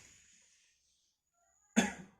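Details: Nursing skills-lab role play of chest physiotherapy and effective coughing for a male patient who has difficulty bringing up secretions: after a quiet pause, one short, forceful, deliberate directed cough.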